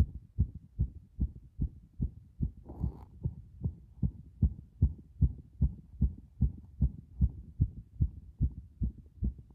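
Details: Compressed heart sounds recorded after a bath, microphone against the chest: strong, regular low thumping heartbeat about 75 beats per minute.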